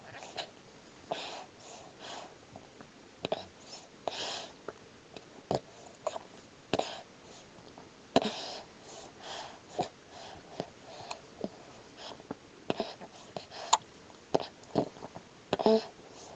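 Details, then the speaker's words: Infant breastfeeding at the breast: quiet, repeated soft gulps and clicks at irregular intervals; audible swallowing showing the baby is taking in milk. "Quand il déglutit vite des sacrées gorgées. Ouais, 5-10 millilitres en tout cas par gorgée."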